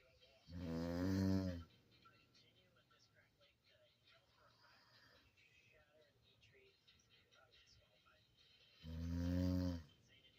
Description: I Caught Her In A Cute Snoring Sleepy Dream.